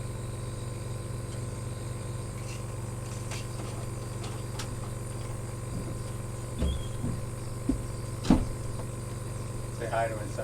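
Steady low motor hum of a nebulizer compressor running during a breathing treatment, with a few clicks.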